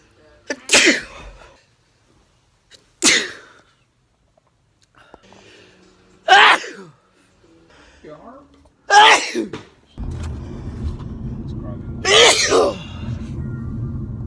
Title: Sneezing fits